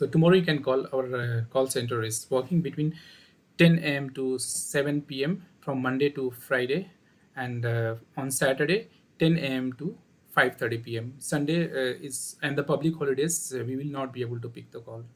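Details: Adult male speaker; typical speech.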